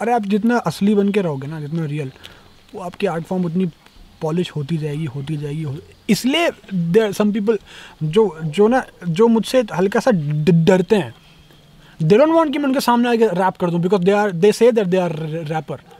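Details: Young male rapper who says he stammers when he talks, worse when speaking Hindi; word repetitions heard; stuttering.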